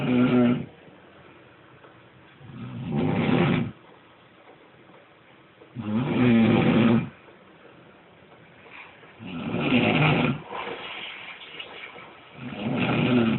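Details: Loud, regular rattling snores about 18 a minute, each a rough fluttering breath with quiet gaps between, while someone nearby plays a video game; snoring.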